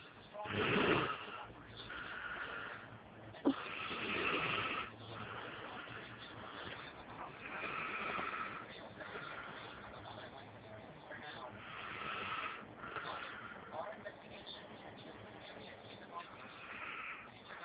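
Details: Father snoring in sleep, recorded by his child on an Android phone: slow, irregular rasping breaths, about 17 a minute, over background noise.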